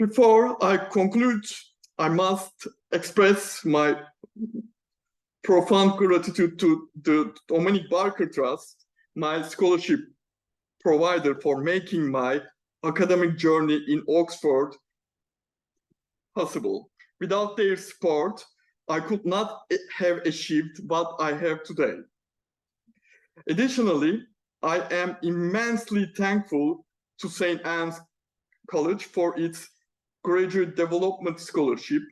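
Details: Male PhD student who stammers, speaking spontaneously in a Q&A without the self-developed fluency method he uses for prepared talks; stammering.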